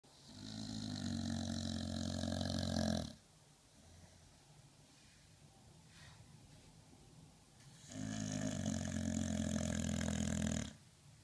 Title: Snoopy - 2 minutes of snoring